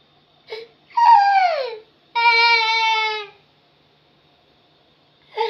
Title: baby crying sounds 😭😢 baby crying funny videos🤣😭😭😁